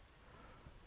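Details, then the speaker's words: Simulated tinnitus: a steady, very high-pitched 7,004 Hz tone played from a phone speaker by a hearing-aid wearer who has tinnitus. "Now that's at 7,004 hertz, okay, so that's the frequency that it's playing at, is 7,004 hertz. So I'll turn that off because it's probably driving you insane. But that is a result of tinnitus."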